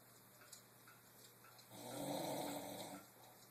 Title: I dont Snore!